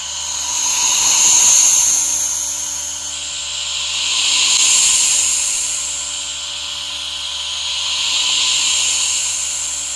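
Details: Steady hissing hum of a running aerosol nebulizer with a humidifier misting alongside, swelling and fading slowly; relaxation ASMR recording.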